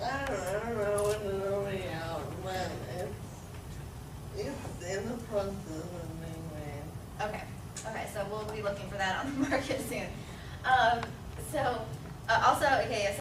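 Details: Adult woman with Friedreich's ataxia, described as soft-spoken and possibly hard to hear, giving a presentation; speech and swallowing problems noted among her condition's symptoms; ataxic dysarthria.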